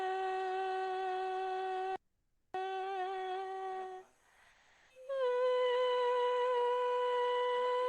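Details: Male singer recorded with a live scope of his vocal cords while singing; normal singing voice.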